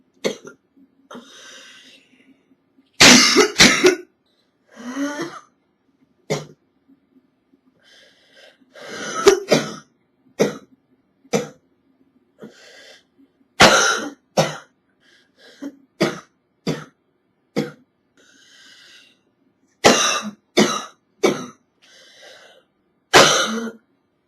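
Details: Simulated cough of a woman with a cold: muffled, held-back coughs she first tries to stifle, giving way to loud, harsh bursts.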